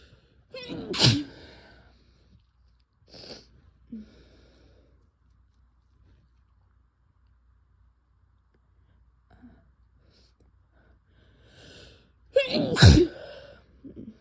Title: strong sick sneezes + nose blows